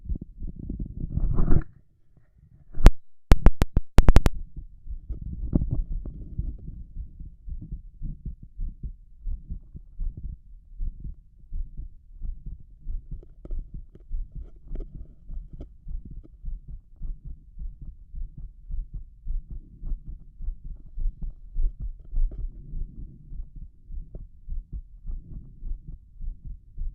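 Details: Adult male, chest bared, heart auscultated with a stethoscope over each valve, with a visibly heaving apical impulse. Fast, strong, regular low thumps after brief handling noise; rapid forceful heartbeat.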